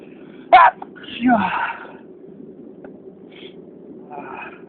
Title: Merry sneezing Christmas!!!